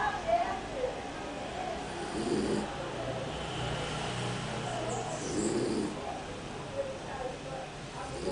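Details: Sleeping dog: rough, rattling breathing noises rise and fall with each breath; snoring.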